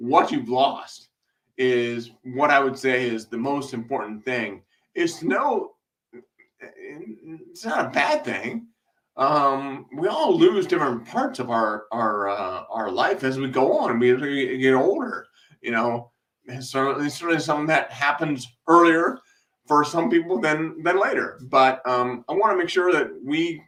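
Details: Man with an acquired speech impairment he attributes to a brain haemorrhage, after brain surgery, with residual vision impairment following sudden blindness in 2011; he also reports breathlessness: hesitant speech with repetitions after brain haemorrhage.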